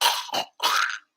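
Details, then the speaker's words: Person imitating a dog's kennel cough: two harsh honking dry hacking bursts, described as typically ending in a gag; simulated, not a real dog; kennel cough imitation. "so uh as you guys heard the kennel cough is very distinct and Ollie I could even play it again but basically uh it it sounds like this it sounds like uh"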